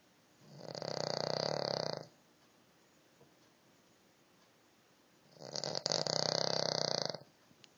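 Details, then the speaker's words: A sleeping King Charles spaniel snoring: two long, loud rattling snores separated by a quiet pause. "Oh, that was you snoring. That was you."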